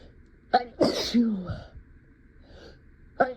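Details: Acted sneeze fit while talking and teaching a class, attributed in the scenario to allergies: a sharp catch of breath, a loud explosive sneeze with a trailing voiced tail, then quick breaths.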